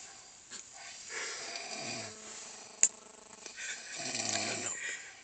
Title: Fluffy snoring